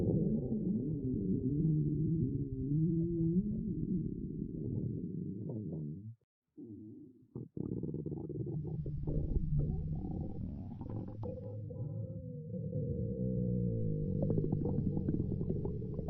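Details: A girl's stomach growling (borborygmi), listened to: long, low gurgling and groaning rumbles rising and falling, with a brief quiet gap.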